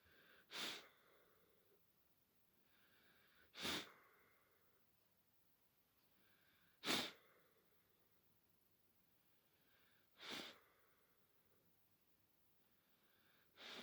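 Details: Kennel cough in a 6-month-old puppy in the UK: five sharp, harsh cough bursts about every three seconds.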